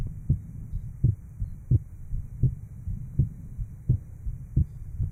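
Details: 1955 Johns Hopkins heart sound laboratory recording, likely at the aortic area, after repair of an inter-atrial septal defect. Muffled, regular heart sounds at about 85 beats a minute over background hiss.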